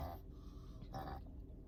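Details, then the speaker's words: Pug dog's reverse sneeze: short bursts of snorting, grunting inhaled noise; owner says pugs do that sometimes and he'll be all right. "Oh, Malcolm's doing a reverse sneeze. Reverse sneeze. You okay? Yeah, he'd be all right. Pugs do that sometimes."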